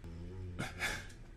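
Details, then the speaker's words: A low droning rumble followed by a rough, breathy snort-like inhalation: a dog snoring while asleep in the background. "hear my dog snoring in the background scott how about not snoring"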